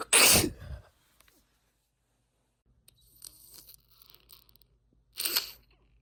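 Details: Two sharp, explosive induced sneezes a few seconds apart with faint sniffing between, from a female; sneezing.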